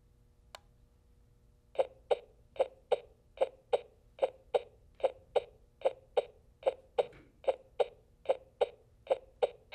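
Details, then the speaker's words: A simulated heartbeat from a children's Smart Heart pulse monitor: regular electronic double-thump beats, with a reading of 73 beats per minute. "with the press of a button children can easily capture their heart rate and hear an audio representation of their own heartbeat"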